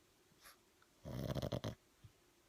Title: #cute #pug #sleeping # snoring # one eye open #lazy pug catching a few zzzzzzz